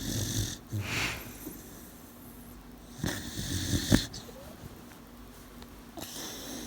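Soft, irregular snorting snores with a faint whistle on some breaths, from a sleeping puppy. Snoring.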